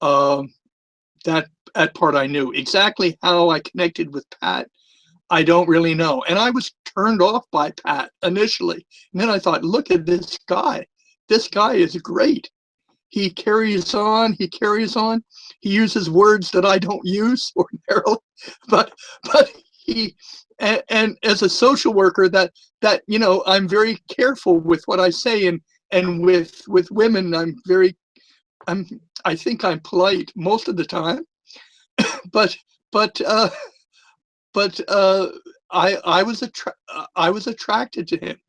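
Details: Long-standing stuttering with a lisp in a retired adult man; he says both are more noticeable with the microphone close to his mouth.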